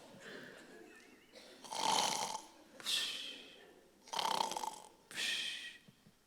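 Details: Simulated snoring performed by a comedian in a stage sketch about a man whose wife cannot sleep because of his snoring: four rough, rattling snoring breaths about a second apart.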